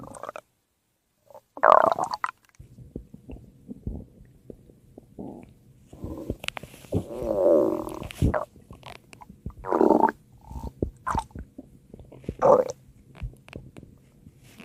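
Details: Ordinary stomach growling (borborygmi): loud, drawn-out growls and gurgles with bubbly rumbling between them as gas and fluid move through the gut.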